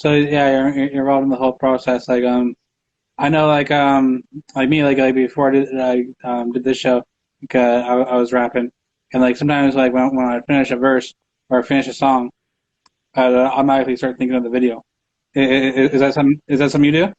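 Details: Adult male host who says he has a stutter and stutters in his interviews all the time; stuttering.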